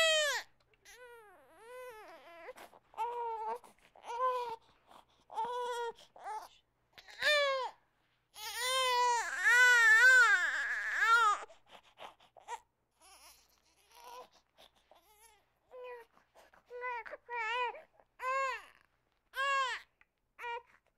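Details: Sound-effect recording of a baby crying: short, repeated wails with one louder, longer outburst in the middle.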